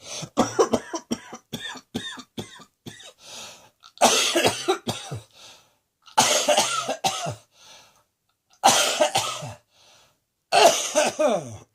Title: Cross Dressing Coughing 119.